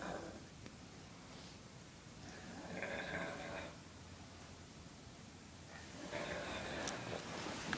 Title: Snoring dad